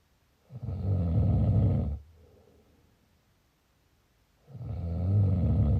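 Two long, loud, low rattling snores with a quiet pause between them, typical of ordinary snoring.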